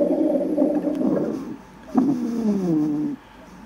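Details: Two low, rumbling, gurgling breath-like sounds, demonstrated as rhonchi, described as typical of intubated patients with heavy secretions and of non-compliant COPD patients.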